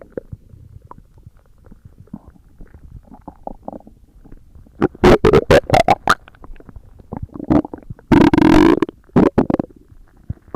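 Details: ASMR recording of stomach growling: soft gurgles, then loud squealing, groaning rumbles in bursts; borborygmi.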